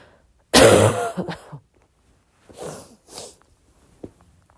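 A harsh cough with a throat-clearing tail, then two softer, breathy coughs; a quiet room.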